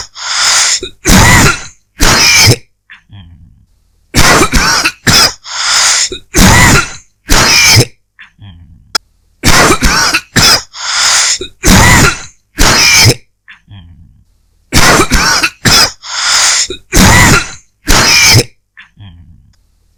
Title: 15 Minutes of Dry Coughing